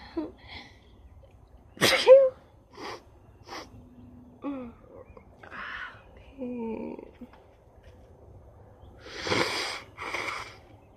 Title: Rapid Sneezes with Lots of Nose Blowing